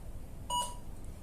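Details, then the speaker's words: A single short electronic beep as a 400-watt high-frequency electrosurgical unit is switched on, starting its 5-second self-detection check. "Now let's turn on the machine. The equipment system will go through 5 seconds for self detect."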